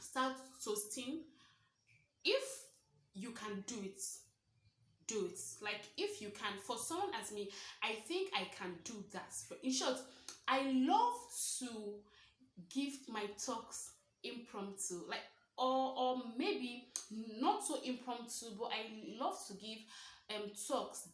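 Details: Stuttering (stammering) in a woman of about 23 who identifies as a stammerer, speaking naturally about her own experiences; real, not acted.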